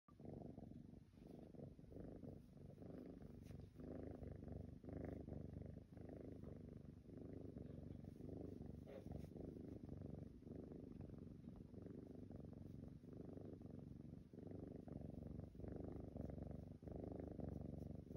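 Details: Steady low rumbling breath sounds from a sleeping Siamese cat, a soft snore that blends with a purr-like rattle.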